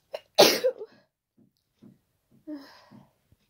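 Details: Person with a cold sneezing: one loud, forceful, very wet, unstifled sneeze after a sharp inhale, then quiet sniffs and breaths.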